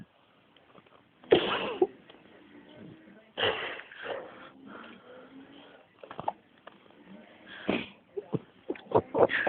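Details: Baby getting frustrated while sneezing: several sharp sneezes with fussy whimpering between them; ordinary infant sneezing.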